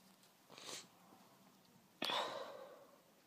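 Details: Female with cat allergy, just home, sneezing: a soft, partly held-back sneeze, then a stronger sneeze burst in a quiet room.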